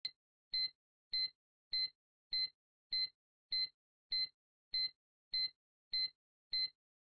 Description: Pacing threshold